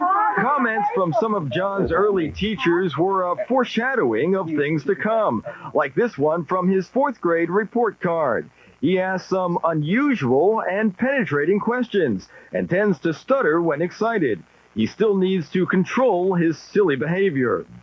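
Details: Adult narrator; normal fluent speech.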